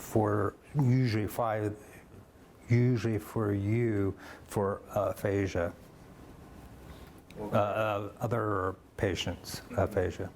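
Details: Adult male physician and stroke survivor with aphasia caused by his stroke, after a few years of speech therapy and physical therapy for stroke-affected arms and legs; aphasia.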